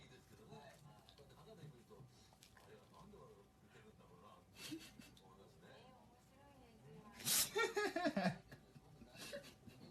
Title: くしゃみするイヌ Sneeze dog